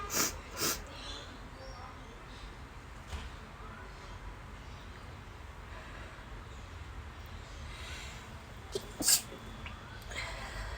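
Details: Cosplayer's several short stifled, held-back sneezes in quick bursts at start and near end, over steady background hiss.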